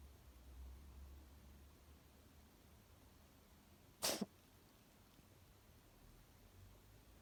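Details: Kitten: one brief, sharp sneeze against quiet room noise; unclear whether sneezing or coughing.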